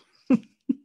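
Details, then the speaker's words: Two brief, low, rumbling snorts a fraction of a second apart from a sleeping dog in a quiet room; snoring. "Did you just shush me? Yeah, because I want you to listen to Toby snoring."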